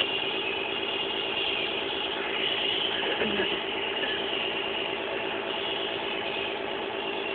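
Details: Steady buzzing motor hum of a nebulizer compressor running throughout a child's treatment, mask held to nose and mouth, with faint rattle and room noise; nebulizer compressor running.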